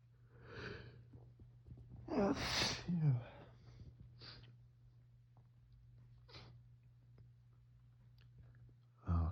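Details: Autumn allergy sneezing on waking, six minutes after being woken, suspected mold from dead leaves or ragweed, itchy nose: wet sneeze with breathy intake and sniffing, quiet sniffles, then a second sneeze starting; allergic rhinitis.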